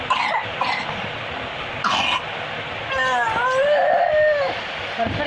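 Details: A 3-year-old child with a 2-month paroxysmal "hundred days" cough, face turning dark red during attacks, gives a few short, harsh coughs, then a long, tonal, wavering vocal sound; paroxysmal cough.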